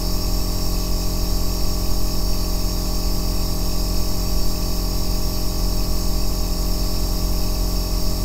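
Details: Aerosol nebulizer running, recorded as deep-bass white noise for sleep and relaxation: a constant low motor drone with a faint hiss on top, unchanging throughout.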